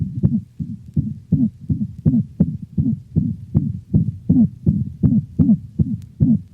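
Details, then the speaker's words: Dog: another variation of the systolic whoop, with fast heartbeat and a musical, tonal murmur varying in frequency with each systole; it may alternate with the mixed holosystolic murmur of mitral insufficiency. "the musical hoop varies in frequency and may alternate with the more common mixed holosystolic murmur of mitral insufficiency listen to another variation of the systolic hoop"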